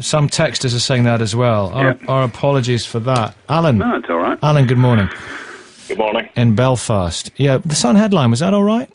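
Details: Adult male radio presenter; No speech disorder.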